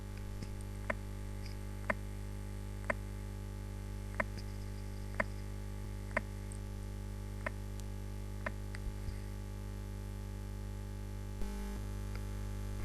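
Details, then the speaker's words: Aortic ejection systolic click heard at the aortic area just after the first heart sound, sounding much like a split S1; sharp crisp heart sounds at about 60 a minute. "وهنسمع مثال لل اورتيك الايجكشن سيستوليك كليك بعد الفيرست هارت ساوند، مش هيكون في فرق كبير ما بين صوته وما بين صوت السبليتنج اوف ذا فيرست هارت ساوند."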